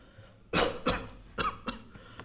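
Four short, dry cough bursts in quick succession, an adult's imitation of a tonsillitis cough common in young children.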